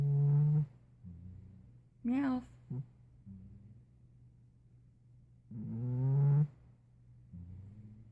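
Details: Nearly 5-year-old former stray cat asleep: loud, low buzzing snores with quieter breaths between and a brief vocal squeak; snoring rather loudly.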